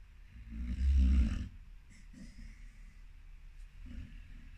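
A sleeping dog gives one loud, low rattling snore, then softer breathing noises and faint snuffles.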